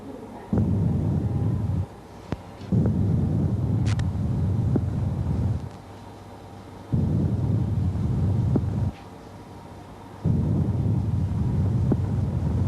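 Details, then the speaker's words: Normal subject, stethoscope diaphragm over the lung bases on both sides: soft, low rustling breath sounds, normal vesicular breathing. "แล้วก็เช่นกันที่ชายปอดทั้ง2ข้างเราจะได้ได้ยินvesicularbreathSoundเท่า"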